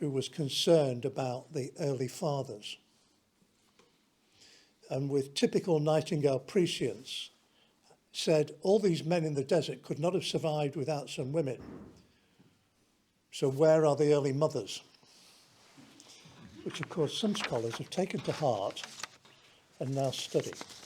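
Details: Adult man speaking; normal voice.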